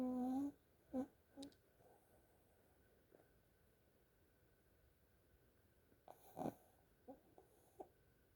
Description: remember this pug is unusual for the snoring and activities